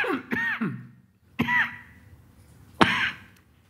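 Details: Adult speaker at a Korea–Philippines summit gives three separate voiced coughs mixed with throat clearing, with short pauses between them: cough.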